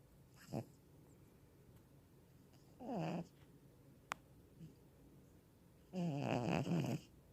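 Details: Snoring from a cat snoozing during the day; snoring.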